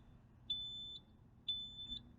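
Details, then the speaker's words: Zoll transport ventilator alarm during a training demonstration: repeating high-pitched electronic alarm tones about once a second over low room hum while pressure settings are adjusted. "I'm going to turn this down so we don't have to hear the alarm anymore"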